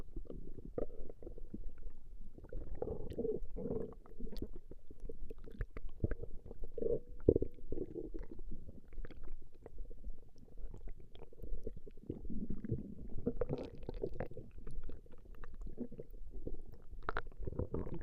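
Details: Recording of a woman's stomach growling: continuous low rumbling and gurgling with bubbly pops; ordinary borborygmi.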